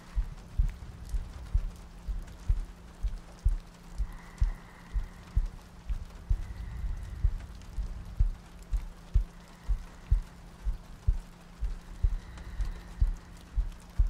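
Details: ASMR sleep-aid loop of a heartbeat with soft breathing and rain ambience: steady low thumps at about 60 beats a minute over soft rain and quiet breathing.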